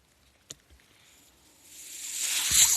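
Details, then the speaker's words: A faint click, then a soft airy hiss that swells steadily louder as a man's mechanical ventilator pushes air during a pause in his speech. "That noise you hear is my ventilator."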